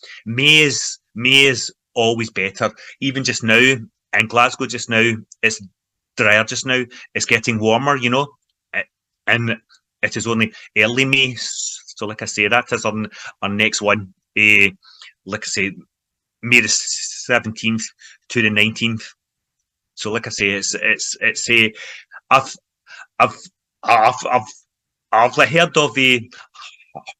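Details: Adult man who stammers, involved in the stammering self-help movement for over 25 years, in everyday conversational speech; stuttering (stammering).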